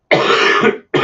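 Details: Productive cough from a sick adult with chest congestion and a hacking cough during allergy season.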